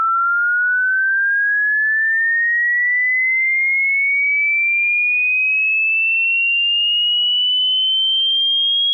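A steady pure tone that rises smoothly in pitch over about nine seconds, the kind of sweep used in a hearing test.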